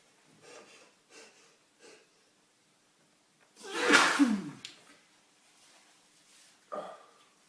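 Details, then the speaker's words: Adult male deliberately inducing sneezes by inhaling detergent powder, with intense nasal itching and a long build-up: three soft sniffs, a pause, then one loud explosive sneeze with a trailing breath and a brief voiced exhale. Single sneeze. "thought I'd use detergent powder to help the sneezes along. It's working. It's making me sneeze."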